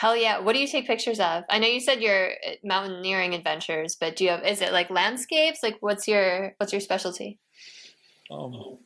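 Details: Adult woman speaking; normal speech.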